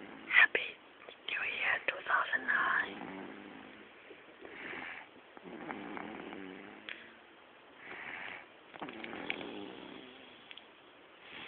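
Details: Baby daughter snoring while sleeping: repeated buzzing, rattling breaths about every two to three seconds with some clicks and whisper-like noise; snoring.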